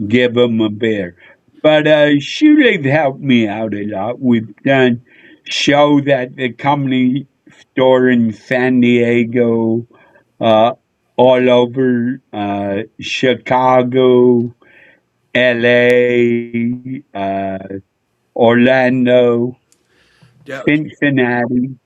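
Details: Adult male with a neurological problem; MRI showed an underdeveloped back of the brain; head hit a dashboard in a car accident when younger; real condition; slurred speech mistaken for drunkenness (dysarthria).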